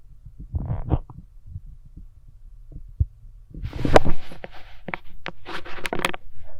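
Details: Woman listening with a stethoscope: soft low heartbeat thumps, partly masked by rustling from handling the chestpiece; a normal heartbeat.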